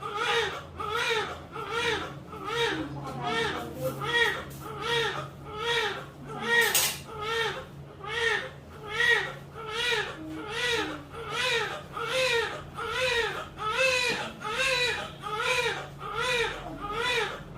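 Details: Strong, rhythmic newborn crying right after a normal birth at 9:45, about 70 cries a minute, steady and vigorous; a normal healthy cry.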